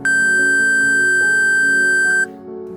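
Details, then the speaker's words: Simulated movie-style cardiac monitor flatline alarm, signalling the heart has stopped: a steady high continuous tone lasting about two seconds over soft music. "You know that famous scene from the movies? The line on the monitor goes flat and then a sound like this is heard."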